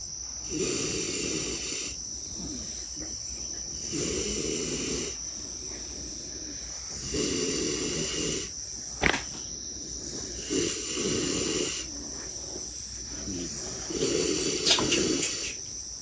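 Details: Sleeping pigs waiting to be unloaded: rhythmic snorting, rasping snores at about eighteen a minute with a few sharp clicks, over a steady high hiss; pig snoring.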